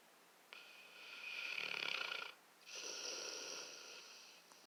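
Two long, harsh, rasping breath sounds with a brief pause between them: snoring.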